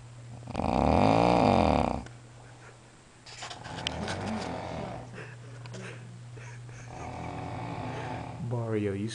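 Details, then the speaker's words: Man sleeping at midnight: loud, rough, rattling snore on an in-breath, then quieter breathing and a brief soft vocal sound, low steady room hum; snoring likened to a bear. "ladies and gentlemen that sound you are hearing it's not a machine it's not even an animal it's a human being he's enjoying his midnight Z's"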